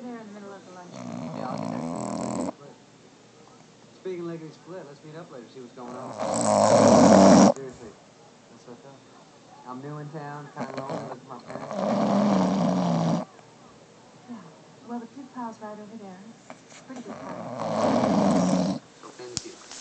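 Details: Loud rasping snores, about 11 a minute, recurring every few seconds with quieter snuffling breaths between; snoring.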